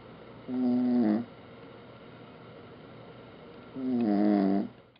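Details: Two loud, droning snores about three seconds apart, each roughly 0.7 seconds, with quiet breathing between; ordinary snoring.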